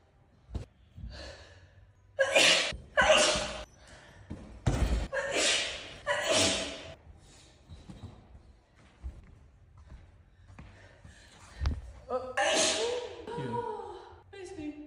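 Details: Woman's sneezing fit before singing, looped: about five loud sneezes in quick succession, each with a sharp inward breath, then a vocal sound; room echo. She says she doesn't have hay fever.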